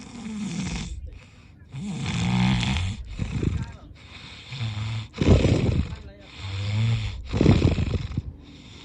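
Repeated loud, low rattling breaths about two to three seconds apart, some with a snorting edge: snoring.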